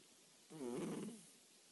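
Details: A pet cat snoring during sleep, loud enough that it often wakes the owner; snoring.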